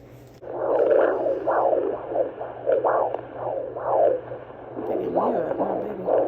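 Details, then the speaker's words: Fetal heartbeat of a baby girl at about 33–34 weeks' gestation on Doppler ultrasound at a prenatal visit that included a 3D ultrasound: rapid, rhythmic whooshing pulses over a low steady hum, sounding normal ("she sounds great"). "we got our 3D ultrasound we heard the baby's heartbeat and everything"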